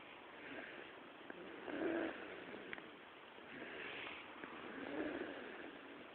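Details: Baby daughter snoring in sleep: soft, rhythmic noisy breathing at about 20 a minute with faint snoring on some breaths.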